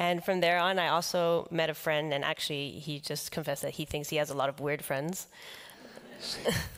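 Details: Adult man with the neurological disease dystonia, which in his case causes uncontrollable neck movements and affects how he speaks. Finding: dystonia affecting the voice.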